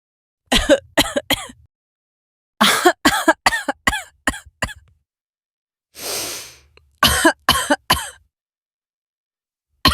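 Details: Repeated short, sharp coughs in clusters, broken by one long noisy in-breath.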